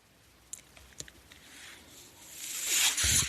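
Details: Breath cycle of the speaker's own mechanical ventilator, heard in the background during a spoken podcast recording: a mechanical ventilator breath sound.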